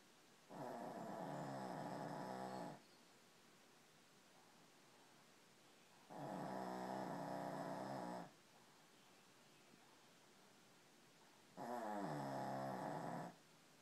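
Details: Three long, loud, rattling snores on the in-breath with quiet gaps between, about 11 breaths a minute; snoring.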